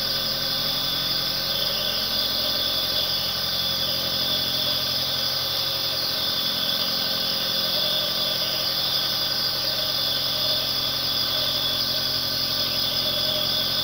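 Steady, unbroken mechanical hum with a hissing airy whine and no pauses, the continuous drone of a nebulizer compressor running.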